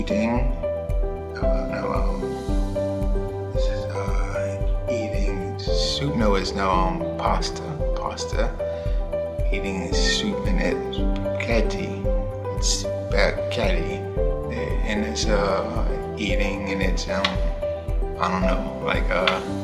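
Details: Aphasia in a man two years after a stroke. He had almost no words initially and also has auditory comprehension difficulty. Here he describes a picture, with music playing in the background.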